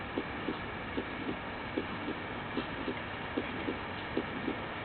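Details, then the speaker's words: Simulated heart on a patient simulator manikin, heard at the aortic area: about 75 beats a minute with a harsh murmur throughout systole, peaking late and ending at S2; severe aortic stenosis. "now let's listen to a few sounds we'll start with the severe aortic stenosis as it illustrates several interesting features"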